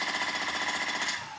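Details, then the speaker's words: A radial shockwave device set to 20 Hz and about 90 millijoules is applied to the calf (gastrocnemius) for plantar fasciitis. It makes rapid, steady jackhammer-like tapping at about 20 pulses a second. "I'm still going to keep the frequency at 20 Hertz but now I'm going to bring it up to like 90 millijoules okay that's gonna give me more"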